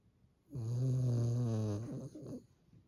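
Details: Tricolour Cavalier King Charles spaniel, a small dog, snoring: a single loud, deep, droning snore lasting over a second, then a short snuffle; surprisingly forceful.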